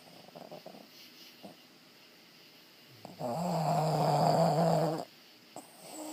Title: Blink-Out & Snore